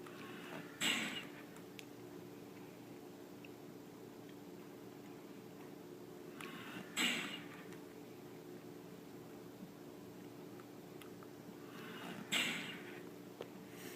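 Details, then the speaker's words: EMT skills station, adult manikin, with oropharyngeal airway in place and pulse present: three soft whooshing bag valve mask squeezes about every five to six seconds, ventilations one every five seconds, over quiet room hum. "okay I'm getting a bbm ready-seal and I'm delivering ventilations one every five seconds"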